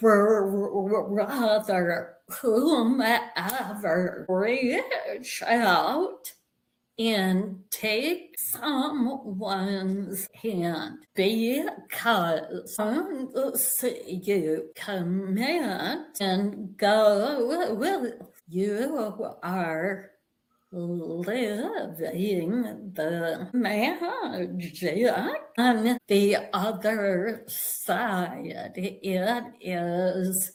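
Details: Vocal tremor in an adult woman, real, which she and the description attribute to over five decades of narcissistic abuse and trauma, beginning at age five, affecting her body and nervous system.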